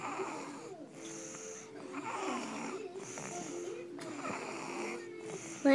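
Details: Snoring during sleep: whistling, wheezy snores come and go with each breath, about one every second and a half, over faint room noise.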